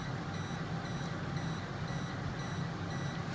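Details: 980/1470nm diode laser with radial fiber firing during endovenous laser treatment (EVLT) of an insufficient right short saphenous vein in a woman with varicose veins: regular high-pitched beeps about every half second over a steady low hum.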